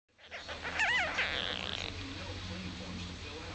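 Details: A 5-day-old kitten makes brief snorty, squeaky noises, then gets hiccups and falls asleep, with a television commercial in the background.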